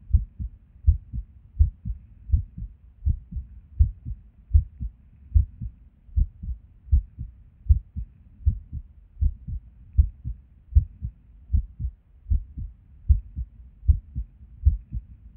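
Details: Resting heartbeat recorded at Erb's point while sitting at a desk, described as skippy lately: heart sounds about 78 a minute with uneven rhythm and occasional pauses, fitting skipped beats.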